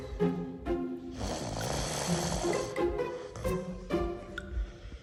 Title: Snores like a grown man 😂🤣